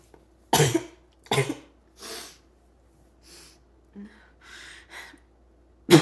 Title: Choking barking cough